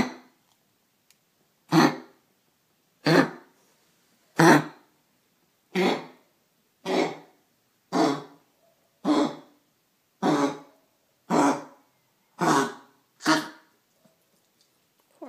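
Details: Pickles coughing while being coaxed to drink tea for a sore throat.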